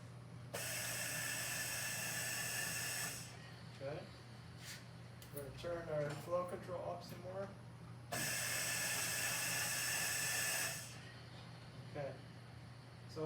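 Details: Two long hissing gas-driven breaths, each about 2.5 seconds, with mechanical clicks and squeaks between, from a Mallard 2800 veterinary anesthesia ventilator bellows cycling at 60 PSI drive pressure.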